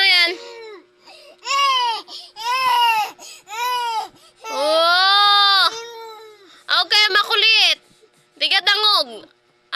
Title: Crying baby